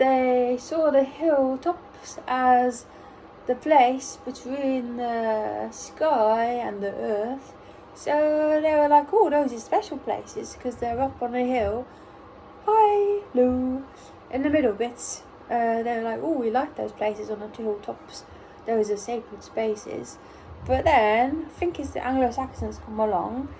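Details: Autistic adult woman almost one year after a ruptured brain aneurysm, speaking in recovery with apraxia of speech from the brain injury.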